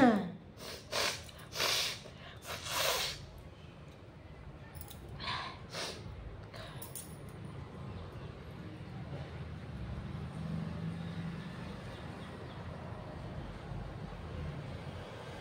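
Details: Sneezes deliberately induced with chili after tickling the nose with paper failed: a quick run of forceful sneezes with sharp breaths, then quieter sniffs; eyes watering and nose painful afterward.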